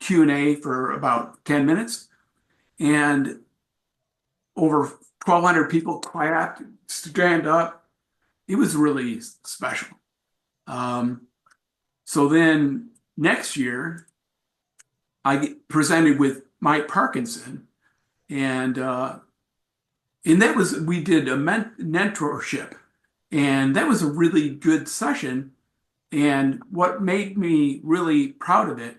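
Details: Adult male with aphasia acquired from a traumatic brain injury in a bike accident without a helmet, followed by about a month in coma; about four and a half years post injury; real speech at an aphasia support group.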